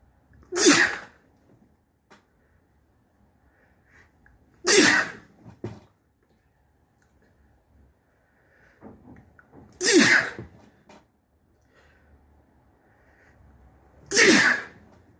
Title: Snotty sneezes